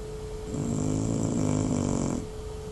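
One loud, low, rattling snore on a breath in, lasting under two seconds, over a steady background hum.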